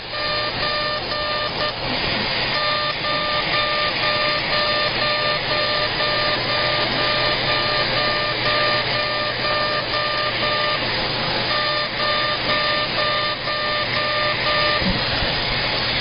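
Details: CO2 laser, aggressive facial resurfacing at 100 millijoules and density six during a face lift: steady rhythmic beeping, about two tones a second, over a loud continuous suction hiss.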